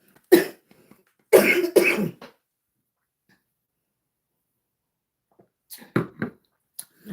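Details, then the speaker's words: Adult on a livestream with a cough drop in her mouth: several short, harsh cough bursts in two clusters separated by silence. "You know, they used to teach you not to talk with candy or anything in your mouth. But I got to cuz I don't want to start coughing on y'all."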